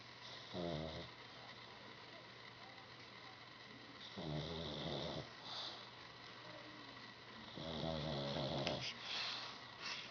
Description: Our pug while sleeping... Loud snoring!